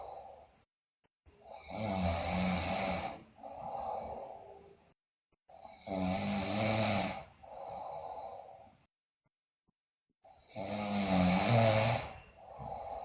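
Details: Loud rattling snoring in a sleeping girl, snores on each in-breath with softer out-breaths, about 13 breaths a minute.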